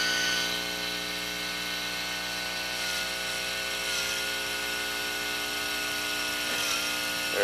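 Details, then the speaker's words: Arthroscopic type II SLAP tear repair with one anchor: powered surgical drill boring a hole at the biceps tubercle for labrum reattachment; steady high-pitched motor whine. "okay so now I've got this drill bit and you see right there I've right where the biceps uh tubercle is where I want the uh tendon I the the uh lbum to go back down on and I'm going to just drill nice hole"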